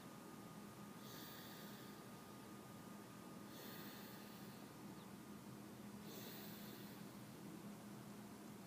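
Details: Three soft, raspy breathing noises about 2.5 seconds apart over steady room hum, roughly 24 breaths a minute; quiet snoring.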